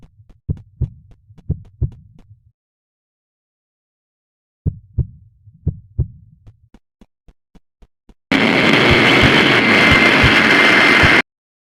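Dull paired heart thumps in two short runs, then a burst of loud hissing static.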